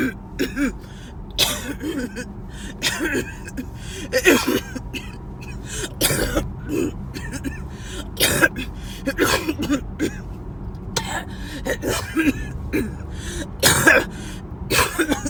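Repeated bursts of harsh coughing and throat clearing over car road noise, coming in clusters without long pauses.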